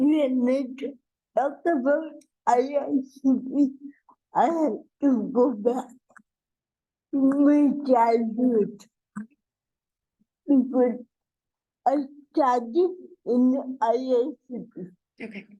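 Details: Dysarthria in an adult woman with cerebral palsy, real speech.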